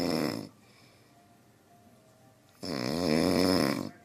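Two loud, deep, wavering rumbling breaths separated by a quiet pause; a large animal snoring.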